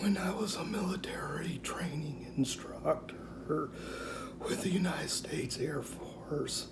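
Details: 49-year-old man with rare mixed adductor/abductor spasmodic dysphonia, diagnosed at 35, self-described somewhat severe; Botox injections over about four years that don't last long, now about three weeks after the last; due for next, a typical day; spasmodic dysphonia (mixed adductor/abductor).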